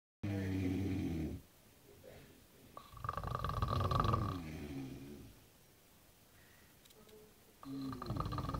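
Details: Synchronised snoring by a sleeping man and woman: loud, rough, buzzing inhalations overlapping in rhythm, separated by quieter exhalation pauses.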